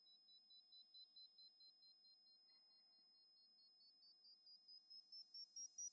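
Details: Mimi Hearing Test iPhone app via AirPods Max, right ear test: quiet, high-pitched pulsed beeps about two per second, slowly rising in pitch and loudness; pure-tone hearing test tones.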